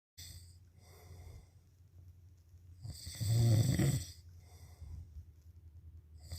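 Low, rattling snore on the in-breath, one loud cycle among quieter breathing; ordinary snoring.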